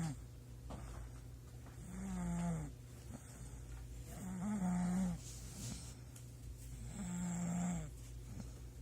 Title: Loud snoring